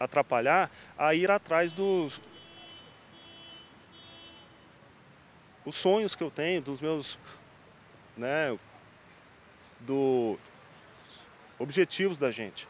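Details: Adult man with stuttering, currently in speech therapy for it.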